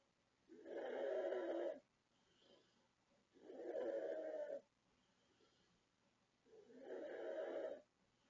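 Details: 36-year-old woman from the Philippines asleep: loud, harsh rattling snores on each inhalation, about 3 in 8 seconds, with quiet exhalations between; very loud snoring.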